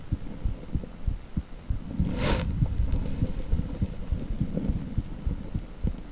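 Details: Heartbeat on echocardiogram (Doppler audio).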